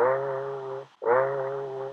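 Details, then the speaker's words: Egophony: the patient says "e" but it sounds like "a" through the stethoscope. "egophony is where you have the person say e but it sounds like an A through the"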